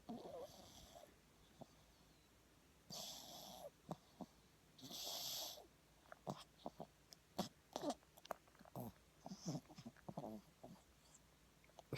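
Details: Sleeping French bulldog puppy, possibly dreaming: soft wheezy snores and snorts mixed with small squeaks and twitchy sounds; snoring in sleep.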